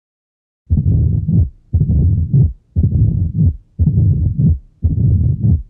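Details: Teaching auscultation example of mitral valve disease: a diastolic murmur, mitral stenosis.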